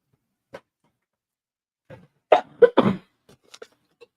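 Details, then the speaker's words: Adult coughing during a podcast livestream: a short run of two or three harsh cough bursts with faint clicks around them. "Y'all hear that cough? Y'all hear that cough?"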